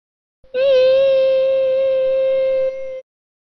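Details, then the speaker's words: A clear, steady, fairly high pure tone ringing about two and a half seconds from a struck 512 Hz tuning fork, demonstrated for neurology exam teaching: 512 Hz tuning fork tone. "the exam organizers simply put all the tuning forks that they have by the beds 128 sounds like this 5 12 sounds like this"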